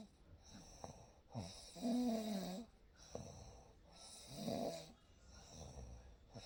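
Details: Soft snores on each breath in, about two breaths in six seconds, with steady room hum behind, in a real night recording; gentle snoring.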